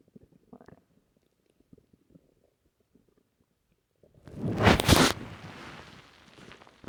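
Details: Stomach rumbling after drinking a lot of milk: faint gurgles and clicks, then a loud drawn-out rumbling gurgle; bowel sounds (borborygmi).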